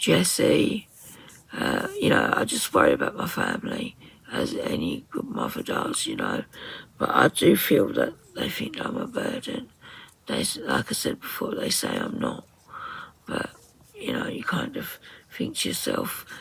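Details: Woman with muscle tension dysphonia (very tight, stressed muscles around the vocal cords), also affecting swallowing, severe at times, attending speech therapy.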